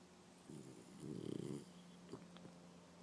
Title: Sleeping snoring French bulldog